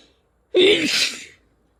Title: Lots of sneezes with nose blowing towards the end